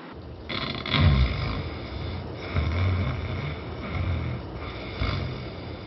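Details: Adult volunteer's overnight sleep recording with severe snoring and sleep apnea, breathing pauses about every 20 seconds; here four loud, rough, low snores in about six seconds, no pause heard.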